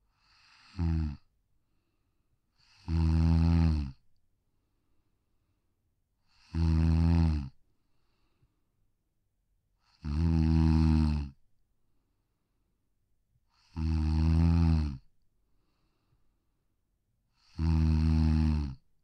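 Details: Sleeping Pug, a brachycephalic short-muzzled breed, snoring softly on a deck: steady, low, regular rumbling snores at about 16 per minute; brachycephalic snoring.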